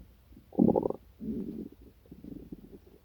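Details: Stomach growling after breakfast, which happens whenever chocolate milk or anything sweet is eaten: borborygmi, stomach sounds, growls and noises.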